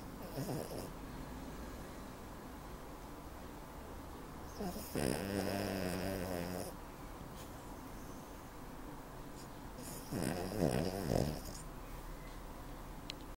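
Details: 7-year-old ruby Cavalier King Charles spaniel, 7 kg, snoring: three loud, rattling snores on the in-breaths, about 12 breaths a minute, with quiet room noise between them.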